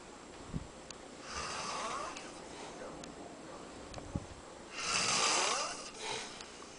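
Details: Adult man snoring at home in Tijuana, Mexico: two long, rough, hissing snores about four seconds apart, with quieter breathing between.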